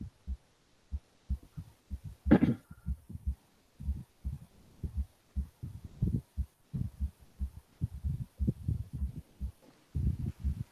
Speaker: so uh so uh those uh that was the you know the normal heart sound